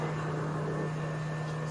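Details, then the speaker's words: Mechanical cough-assist device on a ventilated patient, demonstrated with stand-in lungs: steady motor hum with an airflow rush, a vacuum sound like wind blowing out during the exhalation phase, removing secretions. "a section on exhalation you can hear in is like air wind blowing out s"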